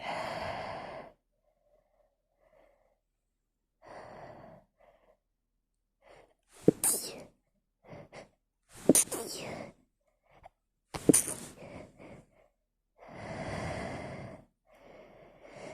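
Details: Person trying to hold back sneezes and failing: several stifled sneezes with quick gasping intakes between them, ending in full sneeze bursts; ordinary sneezing.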